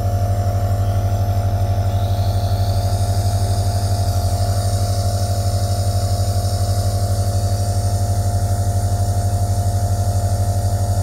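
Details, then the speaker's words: Meditive Handy compressor nebulizer switched on for home use, with adjustable minimum-to-maximum output: a steady low mechanical buzz with fast regular pulsing, the moderate running sound of the machine. "यहां पर मैं सिर्फ इसको आपको on करके दिखाना चाहता हूं क्योंकि आवाज़ आएगी इस वजह से आपको दिखा रहा हूं"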